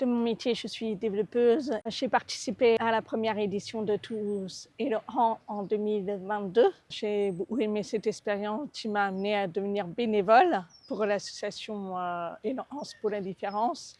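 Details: Deaf speech in an adult woman congenitally severely deaf from cytomegalovirus, initially using hearing aids, with a cochlear implant since age 8 after sudden further hearing loss; mild accent of congenital deafness.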